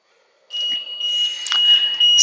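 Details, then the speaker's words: LTV 1200 portable ventilator: steady high-pitched alarm tone for low O2 source pressure, shown with the blender connected to external oxygen, resolved by setting 21%. "instalar manual baixa pressão de o2 tá ó você nem perto lá colocar 21 e resolveu alarme fica piscante né"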